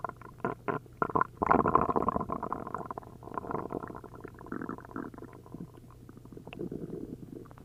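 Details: After drinking a liter of milk and a liter of prune juice, an upset stomach gives loud, frequent gurgling and bubbling as liquid moves through the gut: hyperactive bowel sounds (borborygmi).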